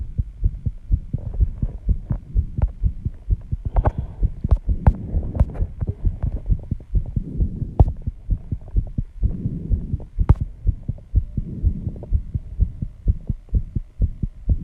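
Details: Own heartbeat after intense exercise, measured 134 bpm, audible even without microphone: fast, strong heartbeat about 125–135 a minute with breathing noise; sinus tachycardia after exercise.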